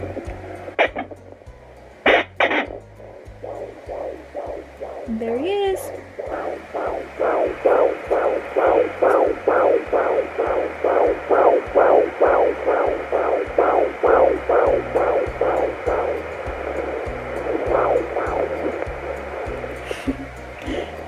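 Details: Fetal heartbeat at 25 weeks 6 days of pregnancy on a Sonoline B handheld Doppler with gel on the probe: rapid, regular whooshing pulses at about 135 beats a minute.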